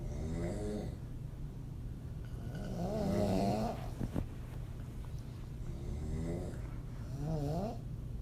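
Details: Low rumbling open-mouth snoring on repeated breaths in an adult woman, over a steady low background hum; audio only.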